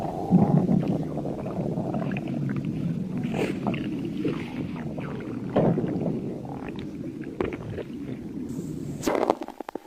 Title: Sticks the badger stomach growling 29